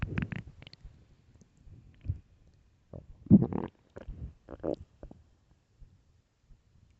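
Low rumbling growls and bubbly gurgles from the belly, ordinary hunger bowel sounds, a normal finding.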